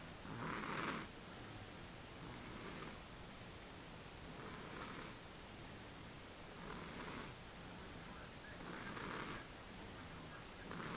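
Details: Steady rough snoring with a breath about every two seconds over low room hiss, roughly 25 to 30 breaths a minute: ordinary snoring.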